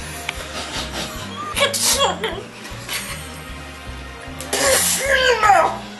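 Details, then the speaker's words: Staged, playful imitations of different sneeze styles such as a tiny alien sneeze and a constipated sneeze: two loud sneeze-like bursts with a sharp noisy release over steady background music. "you ever realized that every person has their own unique sneeze take for example the tiny alien sneeze or the pretty girl sneeze or the constipated sneeze"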